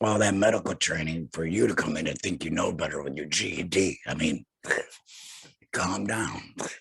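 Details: Male laryngectomee who had a total laryngectomy in 2020, speaking without a larynx; alaryngeal speech after total laryngectomy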